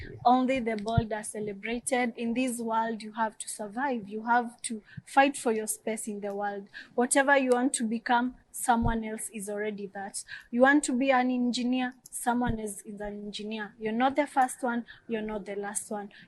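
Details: Adult woman speaking; typical speech.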